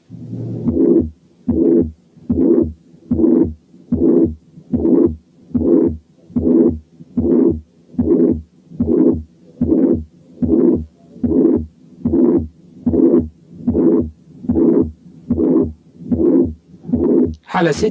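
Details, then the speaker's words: Pansystolic murmur of mitral incompetence heard at the apex with the stethoscope diaphragm: regular heartbeat about 74/min with a blowing murmur filling all of systole. "5 كان بان سيستوليك ميرمر في حالة ماترال انكومبتنس."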